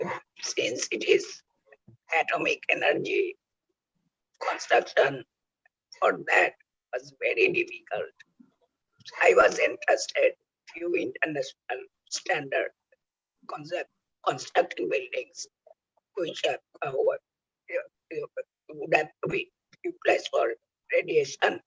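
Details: Adult male laryngectomee using oesophageal speech by the injection method; oesophageal speech after total laryngectomy.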